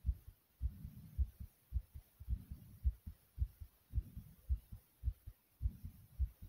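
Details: Strong, regular low thumps of a fast, pounding heartbeat, about 107 beats a minute; rapid pounding heartbeat.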